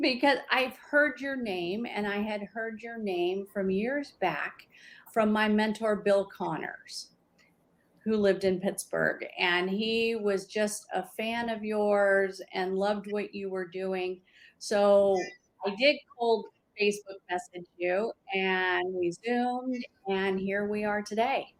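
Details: Adult woman speaking; typical speech.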